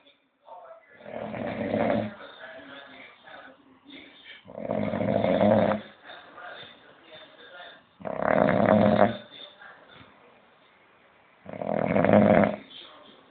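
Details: Musician resting after a gig: deep, throaty snores roughly every three to four seconds, with softer breathing between; regular snoring.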